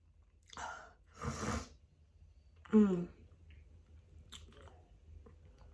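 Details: Adult's pollen-allergy sneezing fit just after an outdoor walk: three short sneezes in quick succession, the last loudest and voiced, in a quiet room; the sneezer says it leaves them lightheaded.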